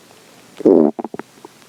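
A brief low gurgling growl followed by several quick bubbly pops: ordinary hunger stomach growling (borborygmi), a normal sound.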